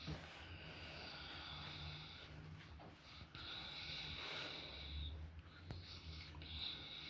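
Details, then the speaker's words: Puppies asleep after eating a big meal: noisy, snuffling breaths with a whistling nasal tone, broken by occasional snorts; snoring. "this what happens when you feed your dogs that good food got him snoring he ate all his food well not all of it but got a little bit left now he he's being lazy now snoring"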